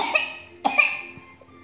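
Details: Dry paroxysmal cough in a vaccinated 4-year-old boy with swab-confirmed pertussis, 3 days into antibiotics, no fever, fits about 5 an hour: three sharp, dry cough bursts in quick succession.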